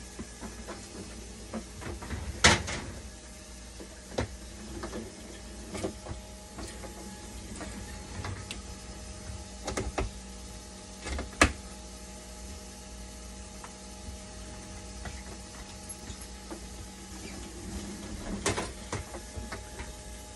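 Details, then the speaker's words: Hemodialysis machine on test run after its cracked balancing chamber, which caused a leak at the back, was replaced; temperature and conductivity stable: steady hum with clicks, knocks and brief mechanical bursts, no more leak. "Wala na leak. Patakboy muna natin, i-test."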